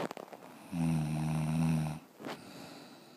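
One long, low, rumbling snore lasting over a second, with a softer breath after it.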